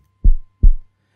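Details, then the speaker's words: Normal heartbeat sound effect in a Class 7 science animation of a boy listening to his friend's heartbeat: two deep low lub-dub thumps. "is listening to his friend's heartbeat"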